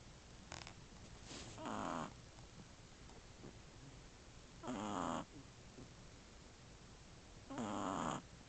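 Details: Soft rattling snores from a sleeping 1-month-3-week-old Shih Tzu puppy, three in about eight seconds (roughly 20 a minute), with a sister occasionally snoring faintly nearby: ordinary snoring.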